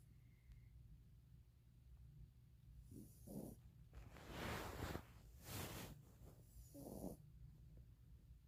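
Soft snorts and airy, snuffling breaths over faint room hum; a sleeping dog snoring, normal for the animal.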